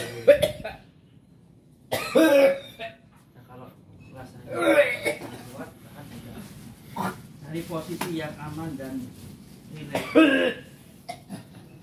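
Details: Bursts of coughing and harsh throat clearing, with snorting and gagging and voices in the room, during gurah nasal therapy offered for sinusitis, chronic cough, sneezing, asthma and bronchitis; cough and throat clearing.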